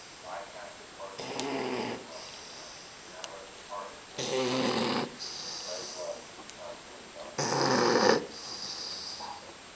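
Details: Alfred, a bulldog puppy about 3 months old whose snoring later worsened: raspy, hissing snores, about three in ten seconds, each with a whistling breath out; loud snoring like a 50-year-old man.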